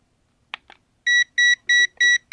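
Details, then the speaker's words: Four short electronic beeps with handling clicks from an infrared thermometer measuring forearm skin temperature after about 1.5–2 minutes under an 850nm LED panel used as a heat lamp; readings 37–38°C. "It's already beeping. Let's try again."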